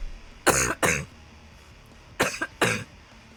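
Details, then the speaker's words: Adult who says the cough sounds aggressive but that they feel okay: four short, harsh coughs in two pairs, with a rough, rattling, voiced quality. "it's like it just sounds terrible whereas like my sneeze is like I don't have like an aggressive sneeze but my cough is so aggressive"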